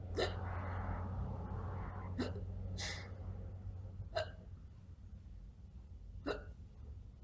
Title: Probably Fake Hiccups